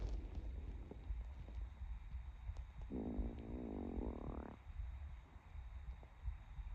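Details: Hungry person before breakfast: a drawn-out gurgling growl of about 1.5 seconds, rising in pitch, over a low rumbling background; stomach growling (borborygmi).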